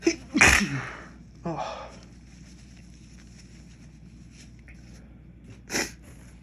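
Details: Two loud, explosive sneezes a few seconds apart, set off by dust from a dropped container of white pepper while cooking, with quiet room noise between them; sneezing.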